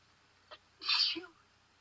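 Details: Person with allergies sneezing outdoors while trying the "chinnkni" method: a short sniff, then a single sharp sneeze; allergy sneeze.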